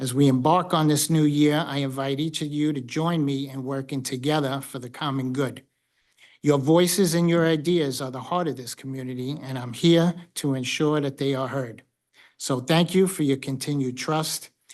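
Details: Adult male speaker; normal speech.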